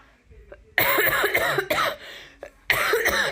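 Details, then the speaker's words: Adult woman with a lingering cough gives a burst of loud, harsh coughs with short pauses while talking during outdoor cleaning: cough. "oh excuse me you can hear my cough still I'm very sorry about that"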